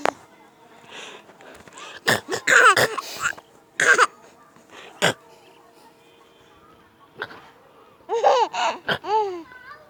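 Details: Coughing from a baby who laughs while coughing during playtime.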